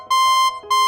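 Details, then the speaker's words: BeneFusion VP1 infusion pump occlusion alarm, triggered after the line was blocked and pressure rose during infusion (vein or line blockage). Two bright electronic tones in quick succession, with a prompt to press the standby button. "апарат дає нам помилку оклюзії тобто або сталася закупорка вени або забила система апарат просить нас натиснути кнопку очікування"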